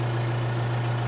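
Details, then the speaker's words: Steady low motor hum of a portable suction machine switched on with the tubing end pinched and clamped to check pressure before tracheostomy suctioning; portable setting stated as 5 to 10. "this is portable so when I turn it on I need to pinch and clamp the end of the TV"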